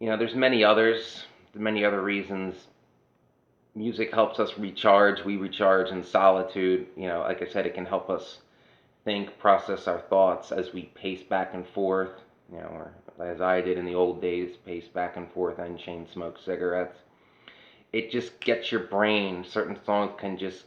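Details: adult woman whose voice changed after laryngitis in 2009, unable to sing for over a decade; dysphonia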